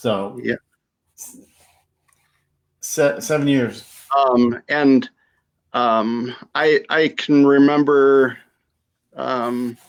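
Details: Adult female stroke survivor with aphasia after her stroke; aphasia after stroke.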